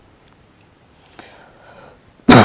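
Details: Quiet room noise and a brief breath, then a single loud, abrupt cough burst from an adult while talking; cough.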